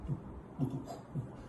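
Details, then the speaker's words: Teaching demonstration with imitated heart sounds: early systolic ejection click from a stiff valve opening (bicuspid aortic valve mentioned), best heard at the apex, with ejection systolic murmur; ejection click. "وطالما الف يبقى اتوقع وهو بيفتح كمان يطرقع ويعملي ايجيكشن كليك"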